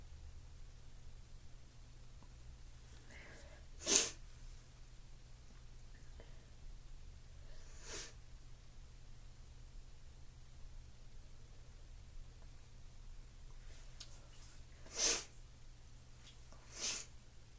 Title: Violent ticklish sneezes!!